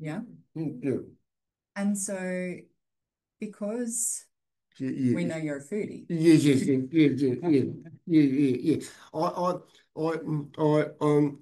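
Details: Adult man with aphasia after a stroke 6 years ago, hospitalized 6 months; he reports difficulty speaking and has not read anything since.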